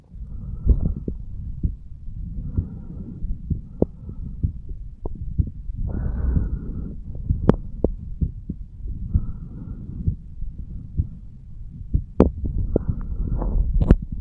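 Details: 35-year-old male, lying on his side, self-recorded heartbeat over the aortic valve area: soft, repeated low heart thumps with blood flow sound, partly masked by rumble and rubbing noise.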